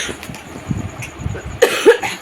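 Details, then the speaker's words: Adult with a heavy cold and severe cough, taking medicine and feeling better, in the evening: low room noise, then two short harsh coughs without a wet rattle; dry cough. "কাশি যখন না, মানে কি বলবো, মানে শুকনো কাশি হচ্ছে।"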